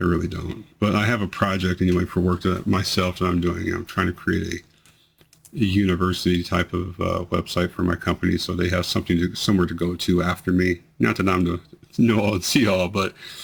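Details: 43-year-old man with multiple system atrophy, 2 years 3 months into the disease, reporting more slurring, words delayed about half a second, hesitancy to speak, and tremor affecting his voice; dysarthria in multiple system atrophy.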